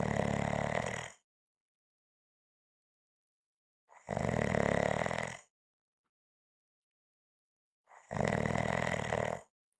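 Three loud, rough, rattling breath noises about four seconds apart, silent between: snoring at roughly 15 breaths a minute.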